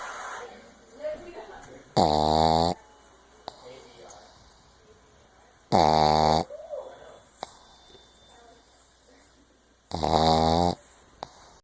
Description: My pug is 2 years old and she literally sounds like a grown man snoring when she is laid back relaxing lol.